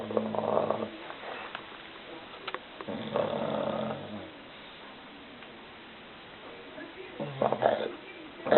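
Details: English Bulldog, tired with a full stomach, snoring: three snorting, rattling snores on inhalation with quiet breathing between.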